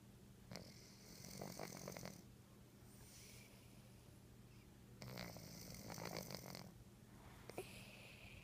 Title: My Cat Romeo Snoring Part 3